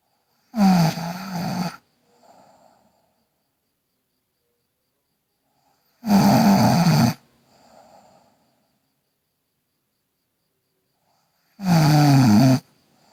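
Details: Girl snoring: loud rattling snores recurring about every five to six seconds, each followed by a soft breath out.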